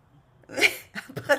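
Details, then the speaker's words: Adult male (the father) gives a single sharp, explosive sneeze with a brief intake before it, followed by faint short sounds; ordinary adult sneeze that startles Tturi. "재채기했어? 어? 뚜리야, 아빠가 재채기했어?"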